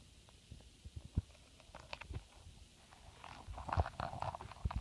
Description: She is very relaxed and purrs similar to a cat by grinding her teeth.